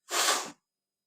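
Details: A woman doing a sneezing challenge gives a single sharp, hissing burst of air about half a second long: one sneeze.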